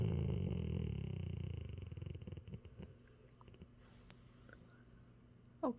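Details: Labrador retriever dog asleep after a long walk: deep, rumbling snore that fades over a few seconds, then faint breathing and a brief squeak; snoring.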